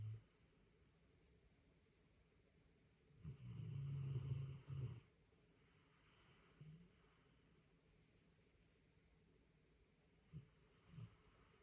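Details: Sleeping small dog: one low, rumbling snore followed by soft snuffles in a quiet room; snoring.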